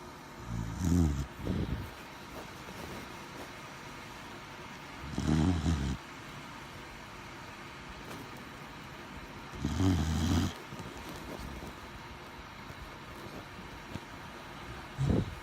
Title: My dog is snoring